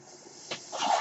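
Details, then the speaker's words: Mechanical ventilator noise from the speaker's own ventilator while talking: soft background hiss, a brief puff, then a rising airy whoosh of a delivered breath as the ventilator cycles. "My name is . That noise you hear is my ventilator."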